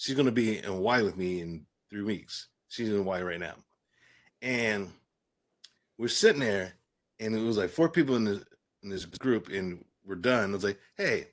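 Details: Adult man with aphasia following a stroke and traumatic brain injury, with a coma; initially unintelligible, he still shows repetitions and word-finding errors.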